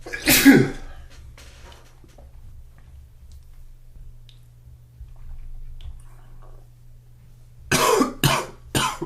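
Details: Morning coughing: one loud explosive sneeze, then quiet with low room hum, then three quick coughs.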